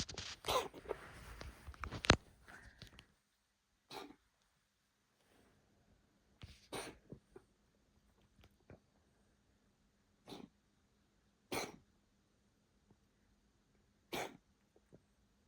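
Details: Animal gives a run of short, harsh, explosive cough bursts with quiet pauses between: a coughing fit.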